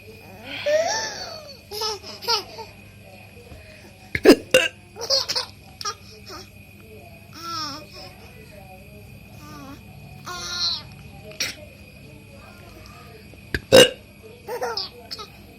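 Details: A father has hiccups and his baby laughs at him: sudden sharp adult hiccups, each answered by the baby's giggles and laughter.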